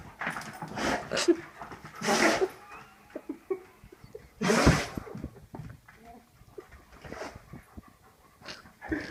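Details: A dog's sneezes: two sharp, explosive nasal bursts among snuffling and soft whines while its owner coaxes it to do it again.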